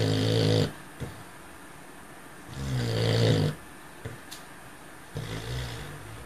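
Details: Cocker spaniel who died at 3 years old, snoring loudly and dreaming in sleep: loud, low rumbling snores, about three in six seconds, separated by quiet pauses with small twitchy sounds.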